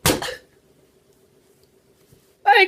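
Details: A single sharp, explosive sneeze followed by quiet and a brief sound at the end; the recording also includes whooping.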